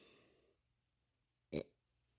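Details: Burp from a 5-year-old boy who has learned to make himself burp: a single short, loud burp after a brief fading sound and quiet.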